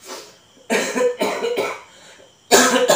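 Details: Adult coughing, attributed to rainy, hot weather, without fever, while taking Cap Ibu dan Anak cough syrup: a few harsh, loud cough bursts with a quiet pause between them.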